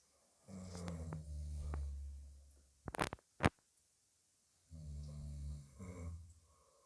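Low rumbling snores on two breaths, separated by a pause with a couple of sharp clicks or snorts; ordinary snoring.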